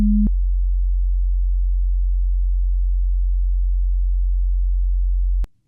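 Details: Simulated ASMR role-play hearing test over headphones: a brief beep, then a steady low tone and a click, during higher-pitched-beep and click-counting tasks; audiometry pure-tone beeps.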